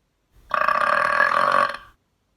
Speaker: let's do a burp contest oh my goodness this will be fun watch this here's mine how about this one or this one the burp wink burp fart gun the burp creepy smile